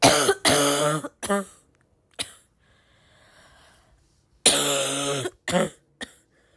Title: my cough is getting worse (or better, depends to the point of view) - comment what you think 😘